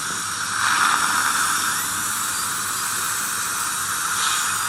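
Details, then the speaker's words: Steady high hiss of a dental handpiece with water spray, lightly cleaning and roughening palatal enamel without grooving, before bonding a fixed retainer. "So first of all, just going to clean the back surfaces, and that would roughen the tooth surfaces as well, ever so slightly. Literally I'm touching the enamel. I'm not making any grooves or anything."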